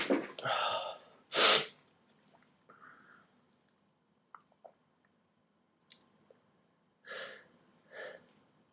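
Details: Adult who reports feeling tired and possibly sick in a cold, unheated apartment: a loud sneeze with a drawn-in breath before it, then quieter sniffs and two soft sneeze-like puffs; sneezing.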